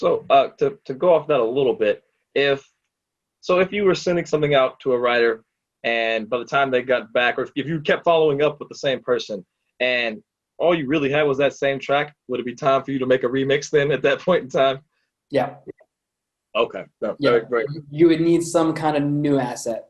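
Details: Adult speech, possibly two speakers in conversation; ordinary conversational speech.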